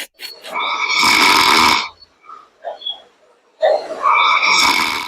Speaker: I can't just sleep how did I end up marrying a man that's not so heavily like a grinding machine what do I do